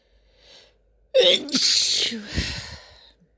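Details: Female sneezing: a soft inward breath, then one forceful sneeze burst with a short voiced trailing sound.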